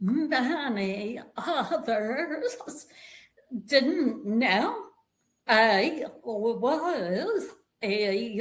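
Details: Vocal tremor in a woman; attributed to over 50 years of narcissistic abuse and trauma that began at age five, and described as manifesting physically in her body and nervous system.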